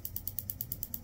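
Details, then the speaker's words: Extracorporeal shockwave therapy at a pain clinic on the heel of an adult with plantar fasciitis, described as very painful: rapid, regular mechanical clicking pulses, about seven a second. "여기 병원에 오면 충격파 치료 장비가 있는데 이게 정말 물건이더군요. 뒤지게 아픈데 효과는 확실했습니다."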